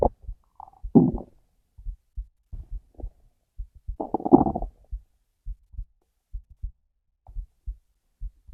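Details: Hungry stomach: soft paired low thumps of a normal heartbeat with two longer gurgling stomach growls.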